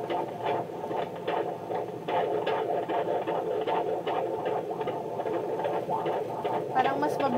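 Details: Fetal heartbeat on Doppler at about 34 weeks' pregnancy, rapid whooshing pulses about 150 a minute, a normal fetal rate; mother reports a very active baby.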